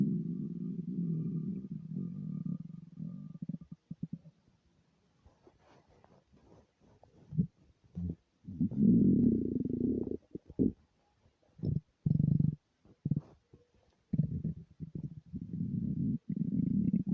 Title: empty stomach rumbles without mic